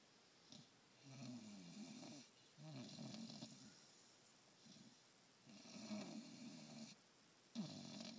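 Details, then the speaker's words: Sleeping, tired dog: rough, rattling snores with each breath in, likened to an old man snoring, quiet room behind; ordinary snoring. "Really, girl? You're snoring like an old man, buddy."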